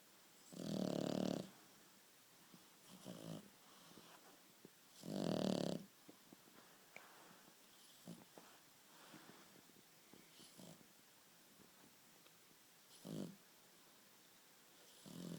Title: Amazing dog snoring